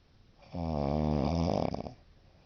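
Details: Adult woman (mother) snoring in her sleep; a single loud, rattling inhaled snore about one and a half seconds long, ending in a fluttering vibrating tone; the sound frightens the cat; snoring.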